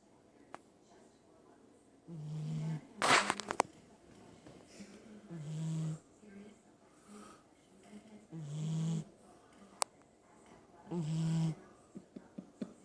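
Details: Sleeping dog snoring: low rumbling snores about every three seconds, roughly 20 breaths a minute, with faint room noise between.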